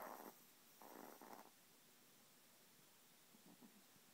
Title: Yorkie Snoring